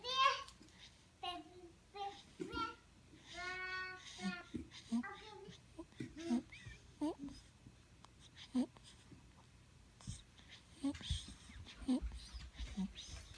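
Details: Babbling young child with brief high-pitched, noisy breath sounds recurring between vocal sounds; stridor.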